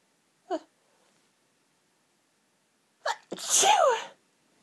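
A brief sharp sneeze, then a quick inward catch and a loud second sneeze: repeated sneezing from hay fever.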